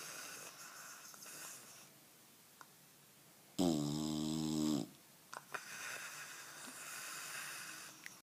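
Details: Snoring in a bulldog, very tired and asleep on his back with his mouth open: one loud, buzzing, wheezy snore against quiet breathing and room noise.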